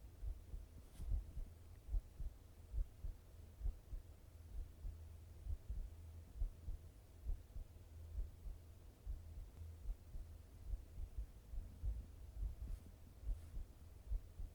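Steady low thumping heartbeat at about 71 beats a minute over a soft hum; normal heart sounds.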